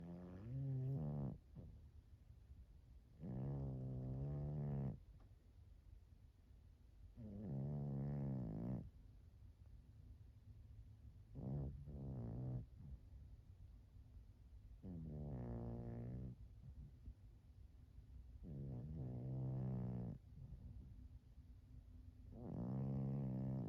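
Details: Snoring from a resting turtle: rhythmic, low-pitched, wheezy snores at about sixteen per minute.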